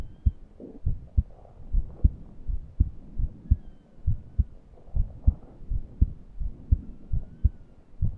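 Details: Wheezing with heart sounds, recorded while breathless and unable to breathe deeply.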